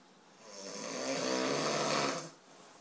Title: SNORING - I think I'm going to leave him downstairs tonight